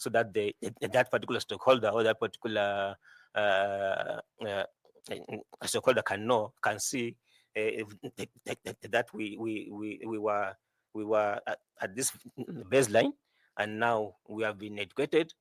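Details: 41-year-old man who says he stammers a lot, with repeated words; stuttering.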